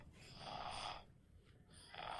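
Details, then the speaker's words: Young boy, known asthmatic, during a bad asthma attack with nasal congestion, intercostal and subcostal retractions: laboured breaths with musical, whistling audible wheezing over congested noise. "Got a little nasal congestion, but he's working, and you can almost hear the audible wheezing."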